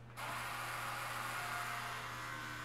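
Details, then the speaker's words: Steady buzzing hum of an electric toothbrush, recommended and held at the gum line during a dental hygiene class role-play for a heavy smoker with advanced periodontal disease; the brush does the vibratory strokes. "i really recommend using an electric toothbrush um so what you do with this it actually does the vibratory strokes for you so you just hold it in place"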